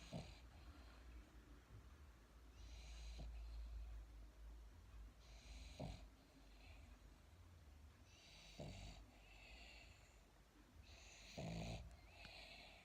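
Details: Dog napping after eating: rhythmic low rattling snores with each breath, about every three seconds (roughly 20 breaths a minute), over steady room hum; ordinary snoring.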